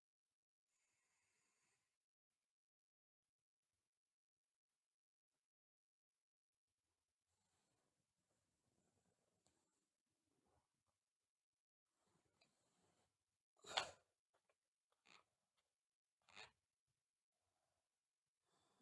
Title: Sleeping Girl Bruxism